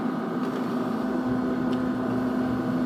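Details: Loud, steady machine hum with a constant low tone from an AirSep VisionAire 5 stationary oxygen concentrator (5 L/min continuous flow) warming up during its first minutes of operation; concentrator running.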